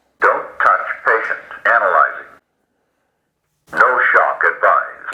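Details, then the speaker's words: Fire department AED training demonstration, pads applied: a synthetic voice gives short spoken prompts, pauses, then speaks again as the AED analyzes the heart rhythm before prompting CPR. "so it's saying that we have our pads on once we get it on the patient it's going to analyze and check for a pulse"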